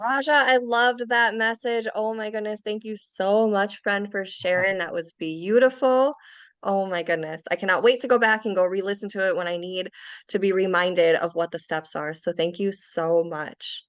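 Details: Adult woman speaking; normal speech.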